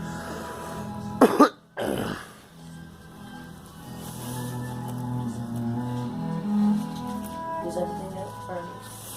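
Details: Girl coughing two or three quick bursts, then a pause, over steady background music; the cough may be from pepper.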